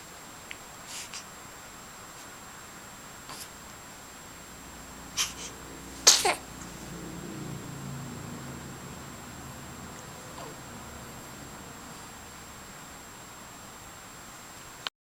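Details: Infant during tummy time: a few small, sharp sneezes, loudest near the middle, followed by soft grunting in a quiet room; sneezing.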